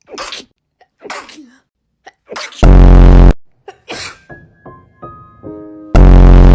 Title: Some of these sneezes are basically sound effects 💀🔊 #tsncore #fyp #foryou #viral #sneezing #funny